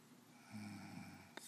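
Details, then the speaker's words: A female cougar asleep and snoring; her snores are said to be much louder in real life. A low, buzzing snore on a breath over room hiss, then a short snort; snoring. "um what's your hearing or the loud snores of the Bobby Ray cougar her snores are much much louder in real life"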